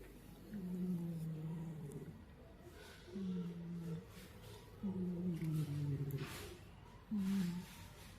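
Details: Snoring from a cat in very deep sleep: low, rhythmic, purring-like snores with each breath, about four in eight seconds.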